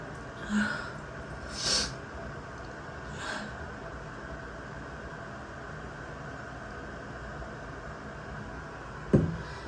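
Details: Allergic sneezing in the shower, set off by a strongly scented new body wash: two quick sneezes close together over running water, then a sharp noise.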